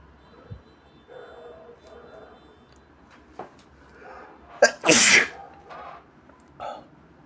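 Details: A single loud, sharp sneeze after a short inward catch of breath, with faint room noise; an induced sneeze.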